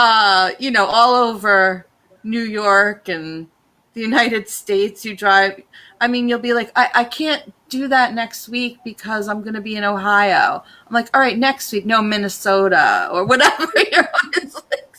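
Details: Adult speaker; ordinary speech.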